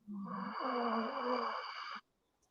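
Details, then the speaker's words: Self-recorded chest sound during a single two-second mouth breath with the nose held: a rumbling, musical wheeze like snoring. "oh yeah i heard it louise all right now this is yeah like a rumbling wheeze"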